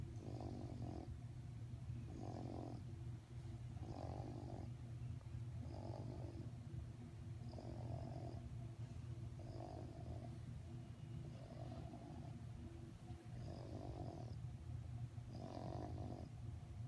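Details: Steady rhythmic snoring, about one snore every two seconds, over a constant low hum.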